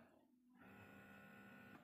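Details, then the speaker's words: Rechargeable electric breast pump (Doopser 3-in-1) switched on in massage mode, with adjustable expression-mode suction: a quiet electric motor hum that starts up and runs steadily in a small room. "one as i shared with you it's small it's also silent so this one is in you are in massage mode and actually if you want to go on expression mode just click that one or just touch that one and increase your suction"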